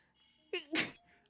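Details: Short, high, stifled sneeze with a quick catch of breath before it, over quiet room noise; a female Twitch streamer sneezing during a live stream, from a compilation of her rapid sneezes.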